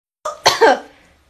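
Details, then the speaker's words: Adult gives a brief acted, simulated fit of two or three short voiced coughs that trail off: cough. "did you just cough up a flower yeah i did"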